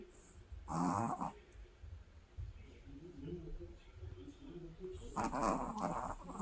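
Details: Tired sleeping person snoring: two loud rough snoring breaths with quieter noisy breathing between them; snoring during sleep.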